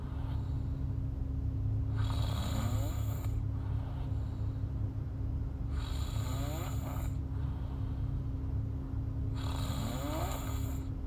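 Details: Girl asleep: three rough snoring sounds on inhalation, roughly 16 breaths a minute, over a steady low background hum; snoring during sleep.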